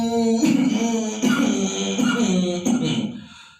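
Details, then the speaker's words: Imitated COPD cough, typical of small-bronchiole pathology: four strongly voiced, throaty cough bursts in a row. "COPD is actually the pathology of the small bronchioles. So whenever there is the pathology of small bronchioles, patient would have the typical sound like this."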